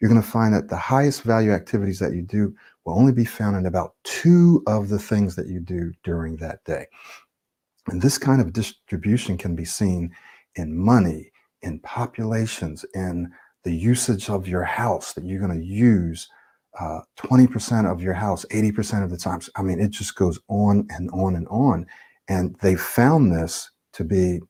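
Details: Adult male speaker; Normal fluent speech.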